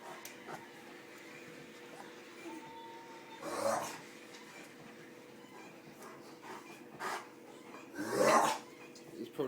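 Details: A dog coughing: two short, harsh coughing bursts against a quiet indoor background with a steady low hum.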